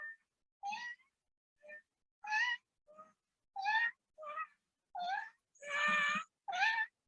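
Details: Croup (barking cough and inspiratory stridor).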